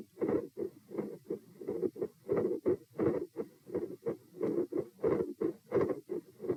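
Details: Auscultation stress test at position P, heart rate 84-90-90-102-114 over lie-sit-stand-bob-stand, unusually low rise compared with previous tests; normal lub-dub heart sounds around 85–90/min with marked phasic beat-to-beat loudness variation.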